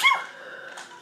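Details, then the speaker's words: Person sneezing during a tabletop role-playing game session: a single short, high-pitched, squeaky sneeze that the sneezer and others describe as sounding a little like a cat. "Sneezes. Do I sound like a cat when I sneeze?"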